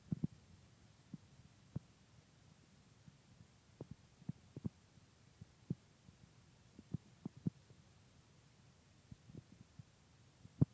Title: 29 weeks gestation Baby Hiccups!!!!